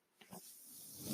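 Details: Podcaster's own mechanical ventilator running in background: brief soft clicks then a rising airy hiss as it delivers a breath; mechanical ventilator noise.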